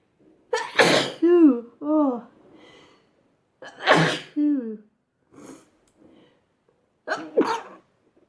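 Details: Sneezing compilation: three loud sneezes in a row, each ending in a voiced exhale; ordinary repeated sneezes.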